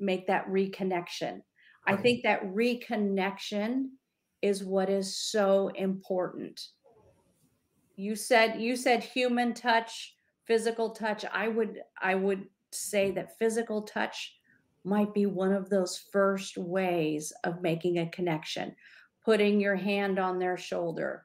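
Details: Adult female speaker; ordinary speech.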